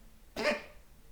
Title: cat coughing